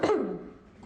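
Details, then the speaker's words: Adult woman losing her voice coughs once during a public speech: an abrupt cough through a microphone, with a sharp burst fading into room echo. "Sorry, I'm losing my voice, so just give me, and every time I cough, it sounds like it just blasts right over the audience."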